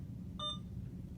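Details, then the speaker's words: Alaris IV infusion pump powering off after the channel off button is held on either channel: a single short electronic beep over quiet room hum as the pump powers down. "to power the machine off you can go to either channel and just hold in the channel off button"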